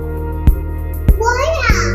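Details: Young boy with speech and language delay who is receiving speech therapy and previously could not say single keywords, attempting a single keyword on prompt; speech and language delay.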